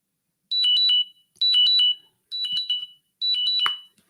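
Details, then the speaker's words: Glucose monitor alarm, four bursts of high, rapid electronic chirping, going off during a live broadcast; the host identifies it as his blood sugar alarm. "This is my uh blood sugar. Um, alarm just went off. Anyway, I hope that doesn't go off again."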